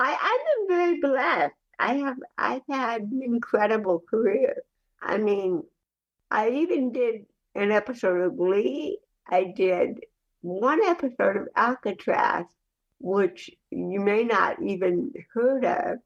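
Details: Dysarthric speech in cerebral palsy, heard in the real conversational speech of an adult woman.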